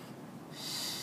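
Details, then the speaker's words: Ambu resuscitation bag connected to a tracheostomy to hyperoxygenate after suctioning, five breaths at 15 L oxygen, FiO2 100%, in a demonstration; soft airy whoosh of one delivered breath. "so I can grab my amboo bag connect it five breaths 15 L F2 100%"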